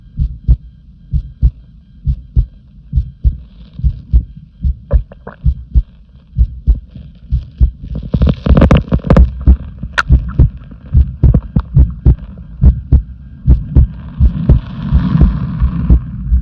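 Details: Heartbeat: low thumping with some irregular spacing between beats, and faint rustling and hum in the background.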